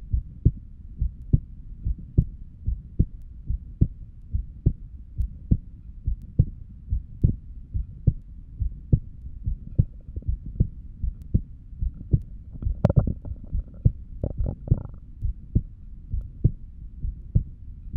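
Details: Normal heart sounds recorded through a stethoscope while lying down: a steady, regular heartbeat at about 70 beats a minute, with a brief rustle partway through.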